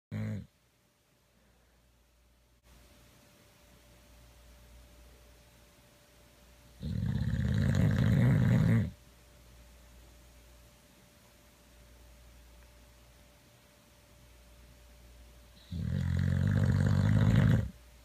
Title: Boxer Dog Snoring